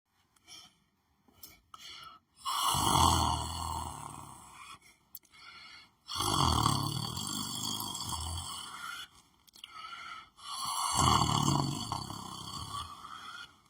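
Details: Person lying on the floor asleep, snoring heavily: loud, rough, rattling snores in repeated long breath cycles with quiet gaps between them.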